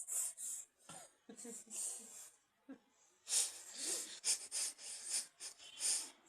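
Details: A young child gives a run of short, breathy, hissing bursts, a series of small sneezes.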